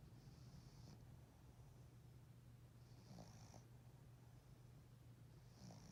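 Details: Sleeping animal: soft, low, wheezy little snores about every three seconds over a steady hum; light snoring.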